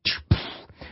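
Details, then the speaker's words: Spoken imitation of normal heart sounds in a mitral stenosis lecture: two short thumps, lub then dub, with nothing between S1 and S2. Normal S1 and S2, contrasted with the opening snap and diastolic murmur heard after S2 in mitral stenosis. "so that's let up D up no issues between S1 and S2"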